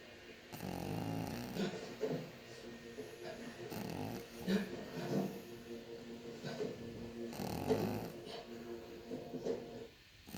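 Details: Pug snoring in sleep with eyes open: loud, rattling, snorting snores with grunting breaths between them.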